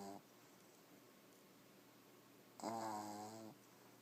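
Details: Sleeping male on a computer desk, one eye open and the other closed, with a single voiced, buzzing snore on a breath after quiet breathing; ordinary snoring.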